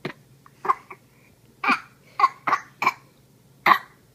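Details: Infant babbles in short sounds, then gives a run of about five brief, sharp coughs; caregiver calls it a bad cough.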